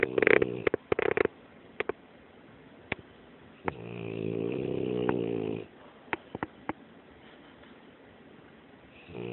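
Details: Snoring in a sleeping French Bulldog, loud enough to keep owners awake; one long, buzzing, vibrating snore with scattered clicks and snuffles around it.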